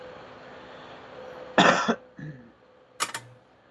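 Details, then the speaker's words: Adult with a nasty cough of about 4–5 weeks, attributed to repeated lung damage, described as more of a wheeze: two short bursts of dry coughing over steady room hum. "Yeah, it sounds like you got a little bit of cough. I have a nasty cough, but that's just from repeated lung damage. It's more of a wheeze, but I'll be honest, it's concerning lately."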